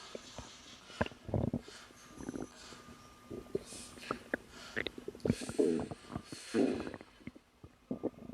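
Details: Irregular gurgles, clicks and short rumbling bursts over quiet room noise, ordinary stomach growling in a woman about 3 months pregnant while relaxing.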